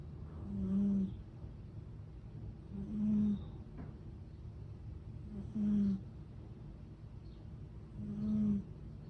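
Soft, regular, low buzzing snores, about four over nine seconds, near 25 breaths a minute.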